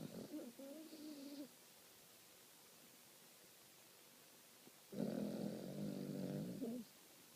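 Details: Sleeping dog snoring: two soft, fluttering snores with a quiet pause between them, in a quiet room.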